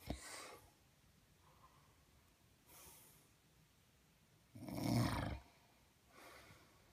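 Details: Snoring 3 days after surgery: quiet sleep breathing with one louder, rough snoring breath among softer snorts; mild snoring.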